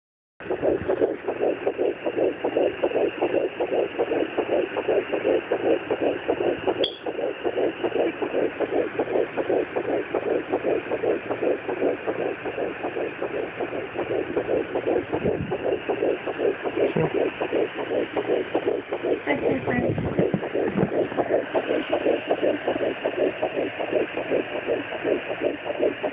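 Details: Fetal heartbeat at 9 weeks of pregnancy on a home fetal Doppler: rapid, regular whooshing pulses, about 158 beats a minute.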